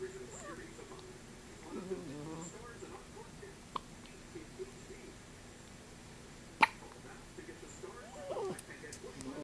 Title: First hiccups